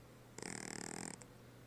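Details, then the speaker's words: Sleeping animal giving one short, rattling, fluttery snore against quiet room hum; snoring. "Gard stop that snoring carfield why you snoring why are you snoring so loud"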